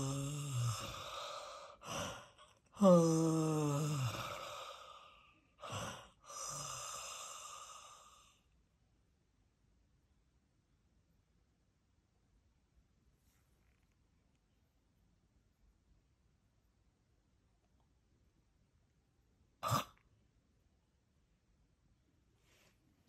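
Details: A hospice patient in the actively dying phase, recorded for real, shows terminal breathing: shallow mouth breathing with apneic pauses and a rattling death rattle.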